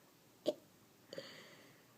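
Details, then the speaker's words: A small child's first real hiccups while being coached to say family names: two brief, abrupt glottal catches about half a second apart in a quiet room. "yeah your first real hiccups huh"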